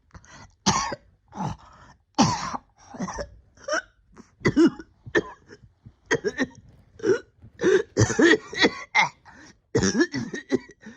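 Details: Persistent cough lingering about a year after a significant illness, with ongoing breathing difficulty: about fifteen harsh coughs and throat clearings in clusters over eleven seconds.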